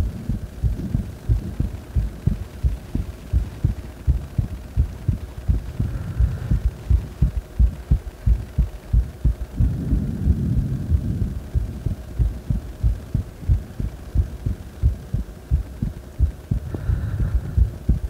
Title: 心臓音・ディープスクワット後の仰向け録音